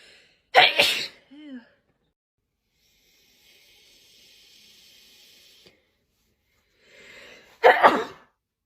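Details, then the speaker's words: Person sneezing after smelling newly bought flowers that tickled the nose; suspected allergy. Two forceful sneezes separated by quiet breathing; sneezing fit. "I'm hoping these ones won't give me bad allergies like the last ones. Oh yeah, it's proper tickled my nose."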